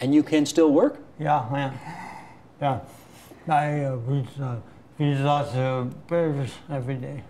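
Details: Hyperkinetic dysarthria in a 62-year-old man who carries the Huntington gene and has had Huntington's disease about 20 years; he uses a wheelchair and reports little control of his body.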